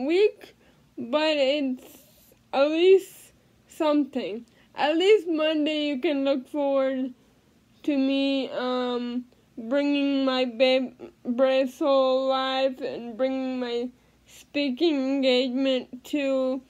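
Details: Adult female living with cerebral palsy speaking in a daily vlog; no specific speech disorder named; speech in cerebral palsy (possible dysarthria).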